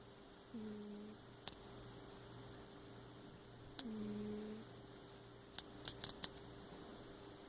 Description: Just tiny little snores from a tiny little cat.